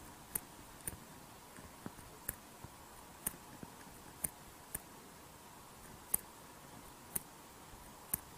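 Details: Sharp, crisp metallic clicks recur with each heartbeat; mechanical prosthetic heart valve sounds.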